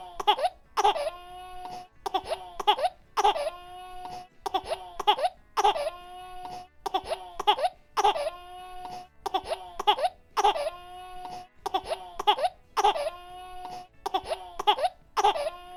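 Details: Infant crying from a sound-effect recording: repeated short, high-pitched wails broken by brief gasping breaks.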